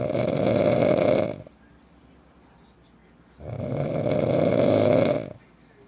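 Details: An adult man (husband) snoring loudly every night: two loud, long, rattling snores, each on an in-breath, with a quiet pause between; heavy habitual snoring, about 20 breaths a minute.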